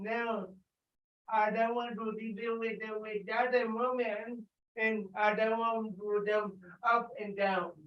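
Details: Dysarthria in an adult with cerebral palsy, speaking during an exercise session.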